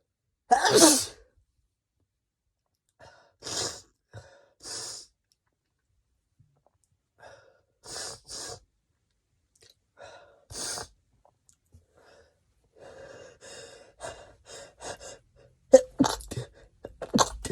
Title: stifles and wet desperate sneezes